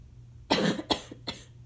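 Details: An adult with asthma gives three dry, harsh coughs in quick succession; inhaler use is possibly audible in the background.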